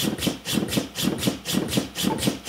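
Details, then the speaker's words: corpuls cpr mechanical chest compression device on a training manikin, started remotely from a Bluetooth-synchronised corpuls3T monitor: steady rhythmic mechanical pumping at about 100 strokes a minute; mechanical chest compression device running. "The corpuls3T can be used as a remote control for the corpuls cpr. I can start the therapy"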